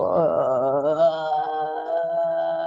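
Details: Voice disorder from a vocal fold polyp, an added mass causing low pitch and chronic dysphonia; diplophonia, two tones heard at once.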